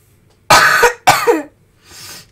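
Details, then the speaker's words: Child with fever who feels cold, coughing a lot all day with a failing voice: two forceful, harsh coughs in close succession, then a soft breath, in a quiet room. "Ik hoest best wel veel en heb het ook best wel koud. Ik heb koorts, dus. Dus als ik hoest, dan weten jullie waarom. Zo klinkt het ongeveer."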